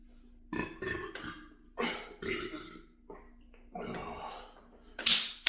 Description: for those who like burps 😀